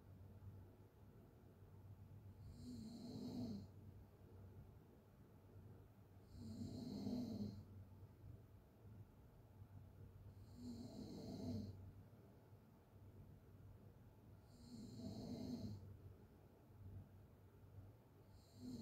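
Rough, rattling open-mouth snores about every four seconds, roughly 15 breaths a minute, with soft breathing between; snoring.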